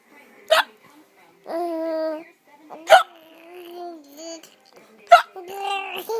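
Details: Adult's repeated hiccups, three sharp hiccups about every two seconds, with a baby's babbling, squealing laughter at the hiccups between them.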